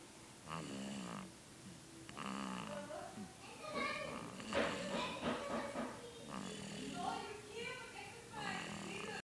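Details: Daughter asleep, repeated rough snoring breaths, several in a row against quiet room noise; ordinary snoring in sleep.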